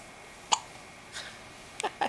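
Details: 1-day-old newborn baby with hiccups: several short, sharp hiccups, about three or four in two seconds, against quiet room noise.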